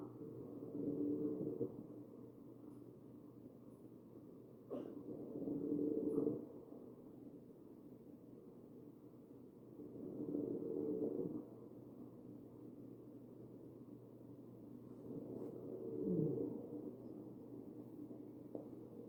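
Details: Real ventilated adult patient, chest auscultation: musical, whistling wheezes recurring with each breath, about 12 a minute; wheezing.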